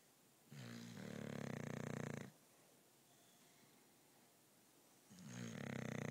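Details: Sleeping female English Bulldog, a loud sleeper: loud, vibrating snores lasting almost two seconds each, two within six seconds, separated by quiet; deep snoring.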